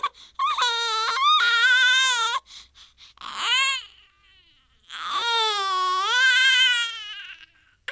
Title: Baby crying sound effect, newborn baby child crying, baby noises, cute baby crying, first cry sounds